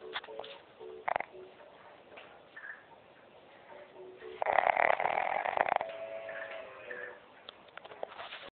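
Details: Old pug with gray wrinkles, recorded in extreme close-up while asleep: close, rasping, fluttering breath noises coming and going with breathing; ordinary snoring.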